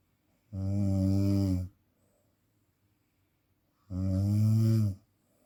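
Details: Two loud, low, rattling snores about three seconds apart with quiet between; heavy snoring presented in the context of sleep apnea.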